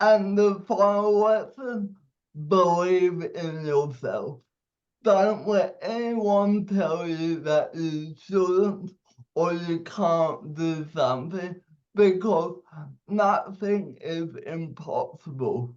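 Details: 27-year-old man with cerebral palsy; at birth a doctor said he would never walk or talk; dysarthria (cerebral palsy).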